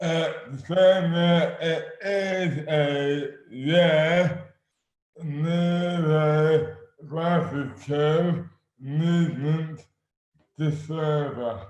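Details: Adult man with dystonia, slurred speech beginning suddenly overnight in May 2008, about 12 years before this 2020 interview; speech severely impaired, hands also affected; dysarthria from oromandibular dystonia.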